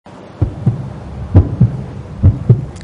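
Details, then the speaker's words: Ordinary heart sounds: paired low thumps at a steady rate of about 65 a minute over a soft background hum, as heard through a stethoscope; sounds produced by blood passing through the heart's valves. "il s'agit évidemment des bruits du cœur des bruits que les étudiant en médecine apprennent à reconnaître grâce bien sûr au fameux stéthoscope"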